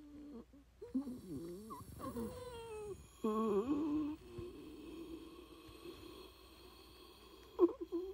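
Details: Simulated, acted wheezing breath recorded as a sound effect: whistling, tonal noises rising and falling in pitch, somewhat snore-like; wheezing.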